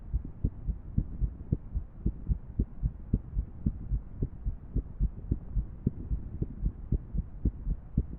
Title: #142 アレな心音の3D心臓モデル動画 Female 3D Irregular Heart Model